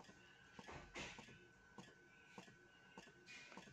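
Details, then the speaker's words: Spectra Dual Compact electric breast pump, switched back to massage mode level 2 after about 10 seconds of expression: quiet motor hum with brief rhythmic mechanical pulses. "Kemudian kita setelah 10 detik misalnya ini, nah ini kita pindah lagi ke masas tapi yang level 2."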